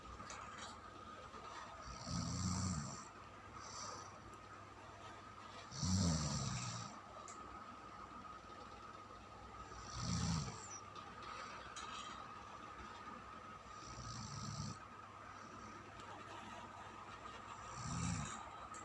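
Repeated rough snores about 16 a minute, somewhat irregular, over a steady background hum.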